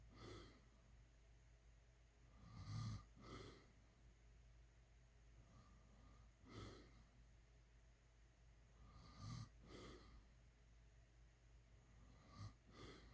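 Low, rumbling snores with each breath, about nine a minute, over steady room hum.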